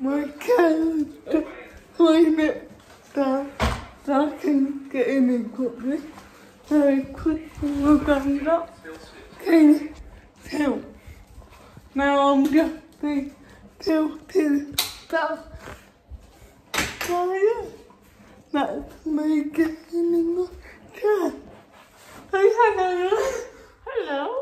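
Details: Female speaker with cerebral palsy, talking while feeding herself with a Neater Eater eating aid; dysarthria (cerebral palsy), inferred from her condition rather than stated.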